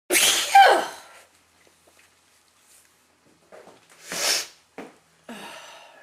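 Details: Person who often sneezes from allergies (flowers, dust, plants), with itchy mouth and sometimes a sore nose: one loud explosive sneeze, a quiet pause, then a second sneeze burst with short sniffs and breaths in a quiet room.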